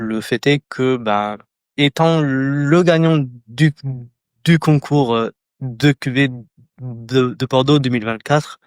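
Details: Adult French speaker who stutters, a candidate in a 2024 eloquence contest for people who stutter or clutter. Stuttering.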